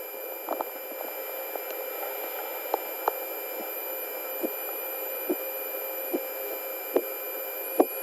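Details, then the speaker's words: Blood pressure measurement with stethoscope during nursing skills simulation; soft, regular tapping pulse sounds at about 70 a minute appearing as the cuff deflates, listening for when sounds begin and disappear; normal Korotkoff sounds. "so it's when the sound comes on and when the sound actually goes away you're going to be able to hear them pretty closely"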